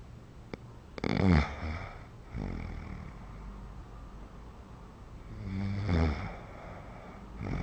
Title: Pregnant woman can have loud snoring, interrupted breathing and sleep disruption